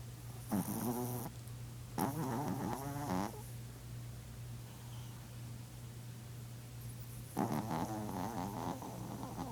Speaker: my chihuahua snore so loud that I just thought I'd videotape it I feel like she's always snoring loud